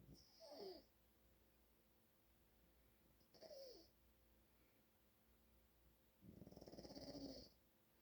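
Three slow, rough, whistling breaths during sleep over quiet room noise, about 20 a minute; snoring.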